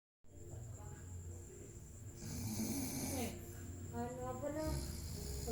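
Low, rattling snoring with each breath, partly overlapped by people talking nearby.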